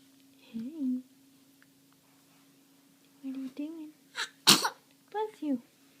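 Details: Sneeze from a 5-month-old baby boy.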